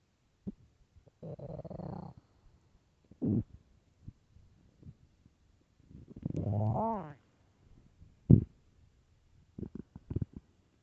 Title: extremely LOUD hungry stomach growls and empty stomach (part 2)